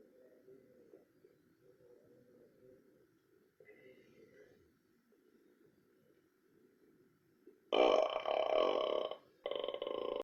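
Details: Belching: faint low rumbling, then a loud, drawn-out burp and a second shorter one.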